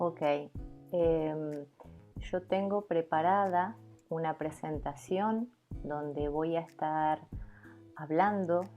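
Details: Adult woman who stutters, giving an example of ordering food at a restaurant; stuttering.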